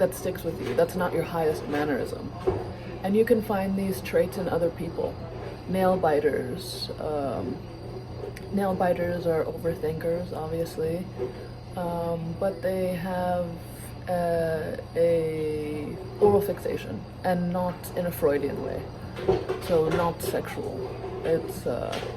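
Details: Vocal tics of Tourette syndrome in a man, who says his Tourette's shows as movement and sound and that the sounds in his voice come from it.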